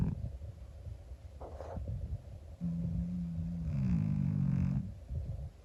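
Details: Monkey, a 25-year-old calico cat, sleeping: soft, low rumbling breaths with a faint whistling tone on one breath over steady room noise; gentle snoring.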